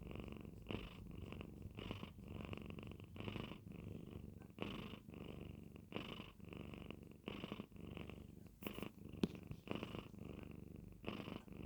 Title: morning snore